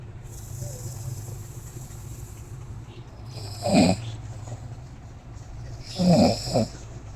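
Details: An adult woman, the speaker's wife, who is feeling unwell, still asleep at about noon gives two loud, rattling snores over a steady fan-like room hum; snoring.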